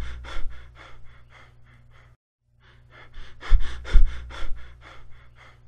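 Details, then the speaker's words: Simulated Cheyne-Stokes respiration in a teaching demonstration: after apnea, quick breaths build louder over several breaths, then taper back to a pause, varying tidal volume and rate cyclically. "after a period of apnea tidal volume and respiratory frequency increased progressively over several breaths and then they progressively decrease until apnea recurs"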